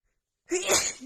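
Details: Sneezing during a hayfever attack, part of a rapid nonstop sneezing fit where any touch of the nose sets off more: a single sharp, explosive sneeze after a moment of silence.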